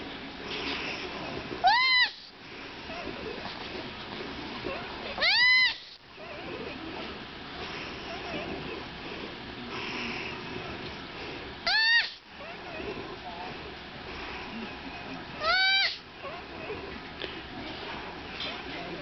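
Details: Baby sloth, woken from a nap to be put with his mother, cries four high, rising-then-falling squeals: an upset infant distress call.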